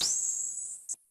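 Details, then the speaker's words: Simulated tinnitus masking noise from an assistive hearing headset (BeHear ACCESS Model II), with sharpness and frequency set by touching an app grid: a steady high-pitched hiss fades, then a brief high chirp. "so for example if i touch a square on the screen it will change the masking noise accordingly"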